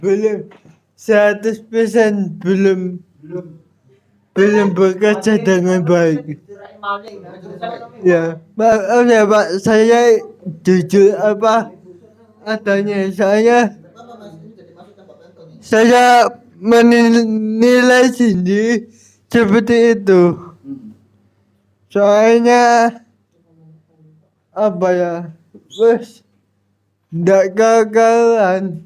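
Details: Adult with cerebral palsy, described as thinking well despite the disability; dysarthric speech (cerebral palsy).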